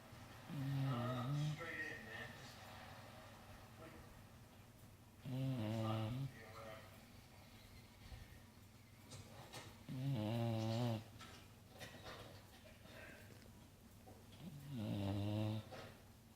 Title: Gator Snoring